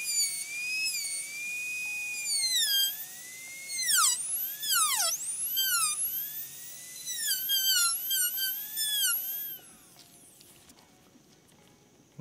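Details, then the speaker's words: High-speed dental drill whine, pitch dipping and rising as the bur touches and leaves the tooth, then stopping: finishing a full zirconia crown prep on tooth #3 (upper molar) by slightly rounding sharp line and point angles. "basically we'll round all of the sharp line and point angles and so just a very slight rounding"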